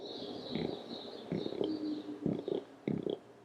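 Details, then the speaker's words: Person with Tourette syndrome, diagnosed around age 8–9, demonstrates their first childhood tic: soft, short throaty grunts repeating in quick bursts, described as not very loud but a problem at school; vocal grunting tic. "know if you could hear that or not it's not super loud but it was definitely loud enough to be a problem in school"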